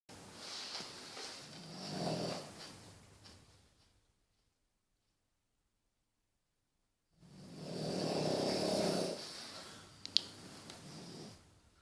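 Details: Two Boston Terrier dogs snoring in sync while deeply asleep after a long day.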